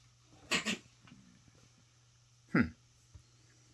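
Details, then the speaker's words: Cat sneezing, one of two cats in the house sneezing, with an upper respiratory something suspected: two quick sneezes close together, then a third a couple of seconds later over a low room hum. "so officially I just saw this guy's sneeze officially everybody in the house all to cats have this sneeze it's an upper respiratory something"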